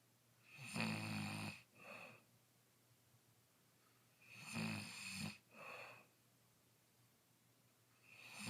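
Loud rattling snores on each breath in, followed by a shorter noisy breath out, about 16 breaths a minute, with steady room hum.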